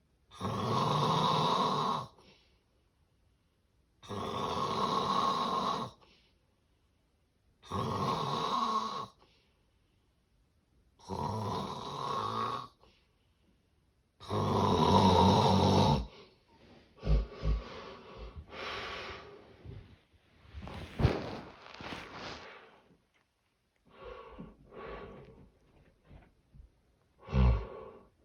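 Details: Loud, rhythmic snoring giving way to irregular snorts and gasps, consistent with severe obstructive sleep apnea.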